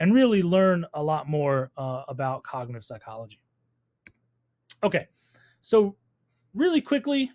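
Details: Adult speaker; normal speech.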